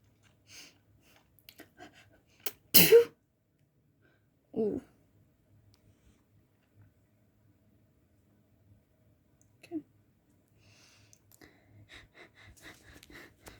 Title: Uncovered messy sneezes.